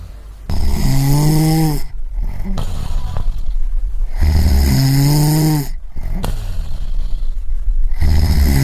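Loud, rattling inhaled snores with short pauses, roughly one every four seconds; heavy snoring from a sound-effect recording.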